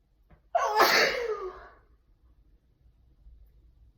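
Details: Sneeze captioned as a triple sneeze: a quick indrawn breath, then one loud, explosive sneeze tailing off into quiet; an ordinary sneeze.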